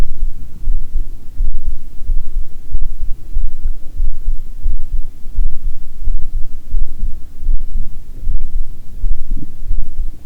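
Steady low thumping heartbeat at about 86 beats a minute, with some low rumbling from the stomach mixed in.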